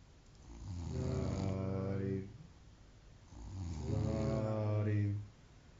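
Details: A friend snoring on Christmas Day: two long, loud, rumbling snores on breathing in, separated by a quiet pause; ordinary heavy snoring.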